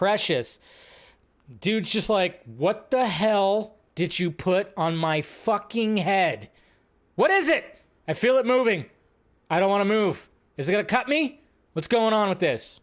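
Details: Adult male speaker; typical speech.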